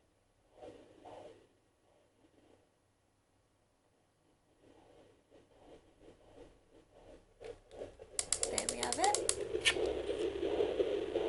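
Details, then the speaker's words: Home fetal Doppler early in pregnancy, around 9 weeks: fast, soft galloping pulses near 167 per minute under whooshing placental sounds, then loud probe scraping. Fetal heartbeat with placental sounds. "right now can you kind of hear that sounds like a galloping horse so that's the baby's heart be ther"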